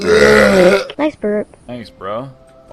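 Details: TikTok burp compilation: one long, loud voiced belch followed by a few shorter burps, with faint background music; burping.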